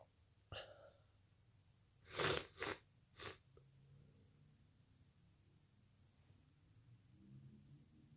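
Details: Person with a cold, in a quiet room: a quick series of three short, hissing nasal bursts, either sneezes or nose blowing.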